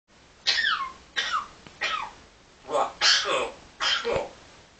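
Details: Parrot mimicking a cough: five short, raspy, cough-like bursts in a small room, an imitation rather than a true respiratory cough.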